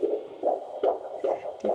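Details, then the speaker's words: Quick, regular whooshing fetal heartbeat, about 150 per minute, on a handheld Doppler fetal heart monitor used by a midwife at the pregnant woman's home; she hears it for the first time, and it is called very healthy. "a fetal heart monitor lets her hear her baby's heartbeat for the very first time"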